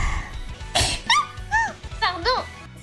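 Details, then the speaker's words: A single sharp, noisy sneeze, followed by brief apologetic voiced sounds over faint music; the person then says they sneezed. "éternué oui j'ai éternué vous avez entendu pardon excuse-moi"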